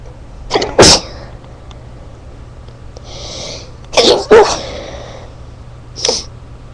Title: Stifled sneezes